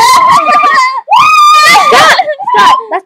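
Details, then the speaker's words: Loud, high-pitched cries and squeals from a baby boy in bursts, sliding in pitch with brief gaps; described as screaming rather than laughing, with smiling between bouts: infant crying. "he's crying and laughing not"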